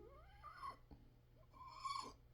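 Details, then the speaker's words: Two harsh, high-pitched, musical breaths on inhalation heard on entering the room, no stethoscope needed; inspiratory stridor. "Strider there's nothing you need with a stethoscope you enter the room and hear a funny sound"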